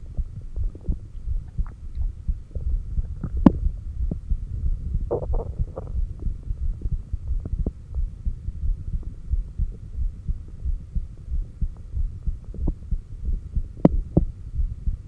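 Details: Normal heart sounds recorded by stethoscope at the apex, steady low thumps at about 90 per minute with faint rubbing and hum, during exhaled (stomach vacuum) and inhaled breath-holds. SpO2 was shown on a new oximeter, and occasional stomach growls occur.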